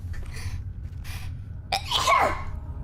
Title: sneezing [ / HololiveEN]